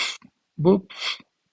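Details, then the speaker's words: Vocal imitation of a heart sound followed by a soft hissing diastolic murmur at the mitral focus, modeling mitral stenosis, where the valve does not open fully. "estoy ocultando la mitral Yo sé que la mitral durante lo que va a ser la diástole se va a encontrar abierta al encontrarse abierta y haber un soplo significa que esta válvula no abrió Al 100%, que está reducido su calibre y por lo tanto tiene una estenosis"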